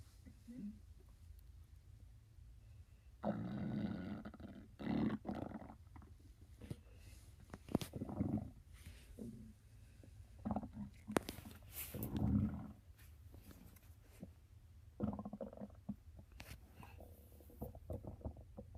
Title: 4 day weekend my stomach growling to early